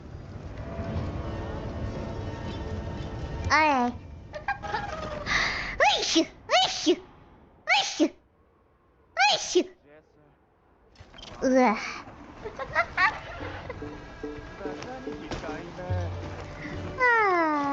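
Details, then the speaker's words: Tired streamer sneezing many times in a row; several sharp sneeze bursts mixed with voiced exclamations over soft background music; repeated sneezing. "today okay how many yeah how many sneezes have I sneeze today cuz I I keep sneezing like a bunch of times in a row is anyone even counting"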